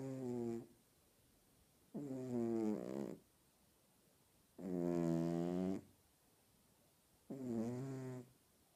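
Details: Cat snoring loudly while asleep: rhythmic buzzing, throaty snores about every two to three seconds with quiet pauses; snoring.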